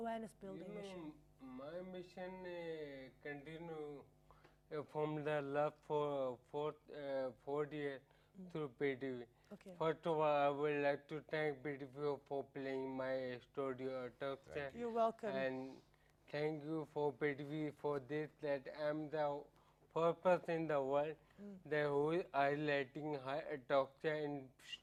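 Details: Adult man with ataxia for about 10 years, affecting coordination of speech and tongue muscles; host notes slurring, and he says the disease disturbed his speaking: ataxic dysarthria.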